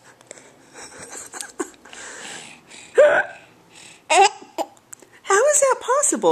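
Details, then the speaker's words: Young child with hiccups while laughing: voice and giggles broken by abrupt, squeaky catches of breath; hiccups interrupting laughter. "Oh, now you got the hiccups. Oh, no. Now she's going to laugh and get stopped by your"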